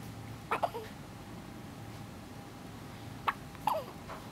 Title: hiccup しゃっくり